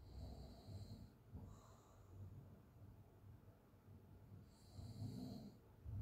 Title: sound of someone snoring Crazy open mouth snoring - Leelate